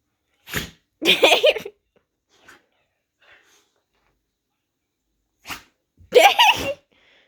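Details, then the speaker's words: A female who won't stop sneezing: two pairs of sharp, explosive sneezes separated by quiet pauses; repeated sneezing. "Oh, are you all done sneezing now? You done sneezing? Seriously? That's it?"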